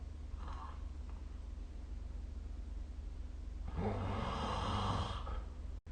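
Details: Snoring during sleep recorded with the SnoreLab app.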